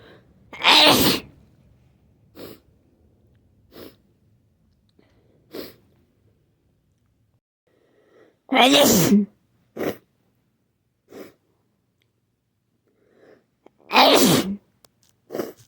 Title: Nonstop sneezing